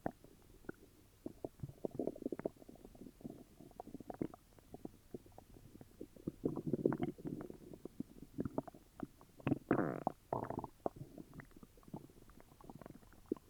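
Irregular gurgling and bubbling rumbles come from the abdomen throughout. These are loud bowel sounds, stomach growling from an upset stomach.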